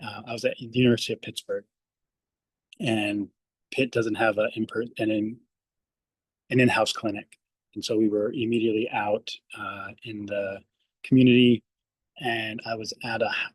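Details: Speech-language pathologist who stutters, speaking on a panel; stuttering.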